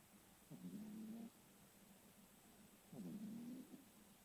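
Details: Two soft, low, buzzing breaths about two and a half seconds apart over room hiss, during sleep; gentle snoring.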